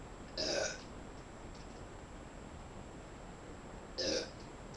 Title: Quick burps